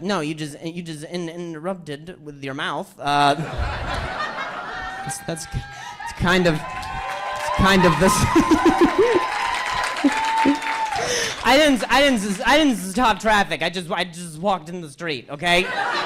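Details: Adult male stand-up comedian doing crowd work on stage, who says later in the set that he sometimes stutters; stuttering.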